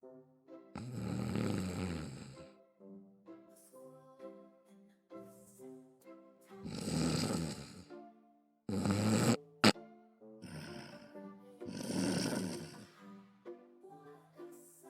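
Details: A sleeping dog from a compilation snoring: four loud, rumbling snores at a slow, steady pace, with music playing over them.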